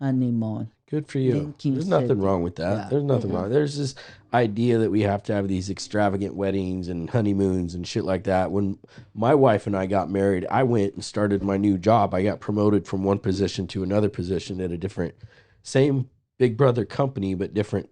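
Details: Adult man, conversational speech; typical speech.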